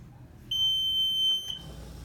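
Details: Homefill/Perfecto2 home oxygen concentrator at switch-on: a single sustained high-pitched beep of about one second, showing the concentrator's alarm is working.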